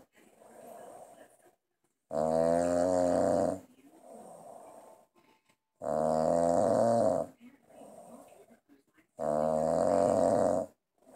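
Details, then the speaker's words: Adult man asleep after drinking, TV on in the background: loud, rattling snores on each breath in with quieter breaths out, about 17 breaths a minute; ordinary heavy snoring during sleep. "okay that's definitely somebody passed out after drinking the TV is on the Spanish station and he doesn't speak Spanish so I can understand why he went to sleep"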